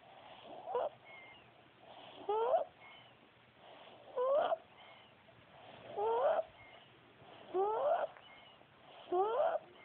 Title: trouble breathing